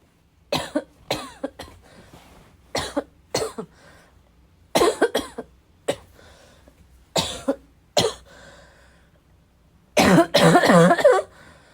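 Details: Bad coughing fit, described as a little wheezy, a little chesty, barking: about a dozen harsh barking coughs in pairs and triplets, ending in a long rough bout; persistent chesty cough.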